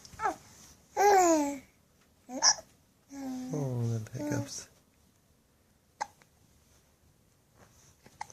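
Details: Happy baby in the morning with hiccups: babbling and giggling broken by short sharp hiccup sounds between brief vocal bursts, in a quiet room.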